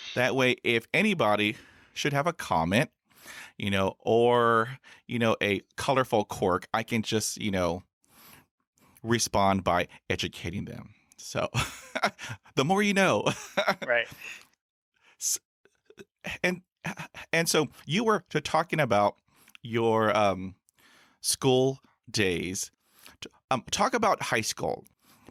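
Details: Real stuttering in an adult man who has stuttered since his school years and has had about 20 years of speech therapy in school, college and the US Air Force.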